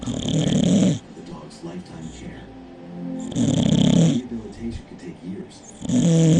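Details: Two bulldogs, one big and one small, snoring while asleep in their crates during an afternoon nap. Loud, rattling snores come about every three seconds. The owner notes this is a fairly soft snore for them, as they are usually much louder.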